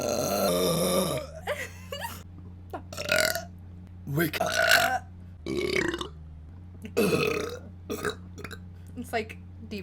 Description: Sexy girl burping